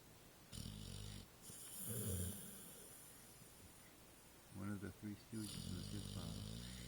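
Deep, rumbling snores with snorting bursts in an irregular pattern over quiet room noise.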